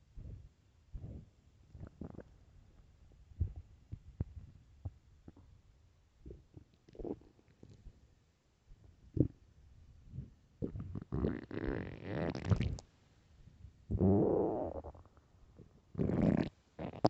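Soft intermittent gurgles and low rumbles, building to longer growls near the end; normal hunger bowel sounds.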